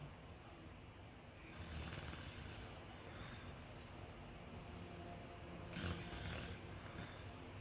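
Two snorting snores about four seconds apart over steady background hiss, from a TV drama scene; snoring.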